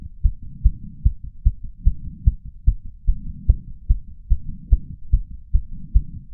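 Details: 31-year-old male's heart racing after exercise (sinus tachycardia), recorded with a lapel mic and a small ceramic bowl: fast, pounding heartbeat slowing from about 150 to about 130 bpm, with breath sounds also heard.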